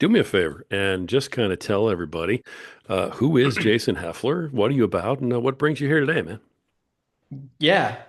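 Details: Adult male speaker; typical speech.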